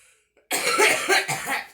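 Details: Girl smoking and coughing: a short run of harsh smoker's coughs after a brief pause.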